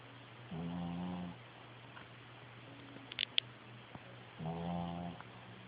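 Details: Quiet snoring: two soft, low, buzzing breaths about four seconds apart over steady room hum, with a faint click between them.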